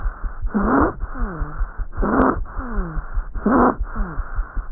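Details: Stridor.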